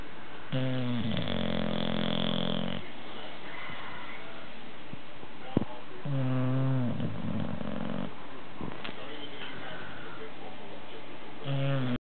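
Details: Newly acquired bulldog sleeping: loud, low rattling snores about two seconds each, three in twelve seconds, with quiet breathing between; snoring.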